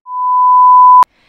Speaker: the higher the frequencies are the sharper it sounds for example this is what 1000 hertz pure tone sounds like